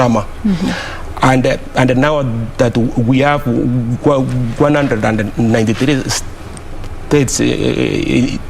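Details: Adult man who stammers, speaking on a TV talk show; word and part-word repetitions; stuttering.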